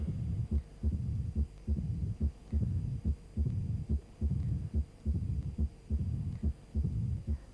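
Regular low heartbeats at about 71 a minute, with a low rumbling murmur filling the gap between beats, a diastolic murmur typical of mitral stenosis; brief speech at the end.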